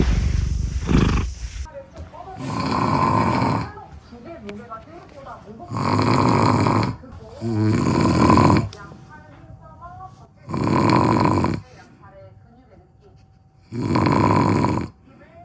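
Loud, harsh, rumbling breaths about every three seconds, with faint background sounds between them: heavy snoring in sleep.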